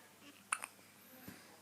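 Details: Hiccups in a 9-day-old newborn: two quick, sharp hiccups close together, then a softer third, in a quiet room.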